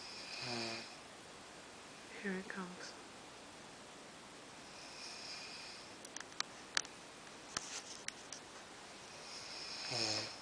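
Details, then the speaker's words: Adult man asleep in bed, snoring starting soft and growing louder: loud, rattling snores with hissy breaths between, faint clicks in a quiet room; heavy snoring. "You can hear him snoring. He's gonna start off slow. I'm gonna hear him. It's a soft snore. He gets louder."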